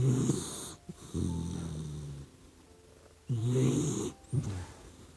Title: GOODNIGHT BABY❤ OUR PUPPY DOG SLEEPING and SNORING LIKE HUMAN?🐕 I LOVE YOU🥰